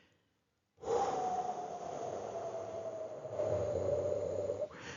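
A strong, sustained blow of air lasting about four seconds with a faint whistling tone, demonstrating a forced expiration as in the spirometry FVC manoeuvre.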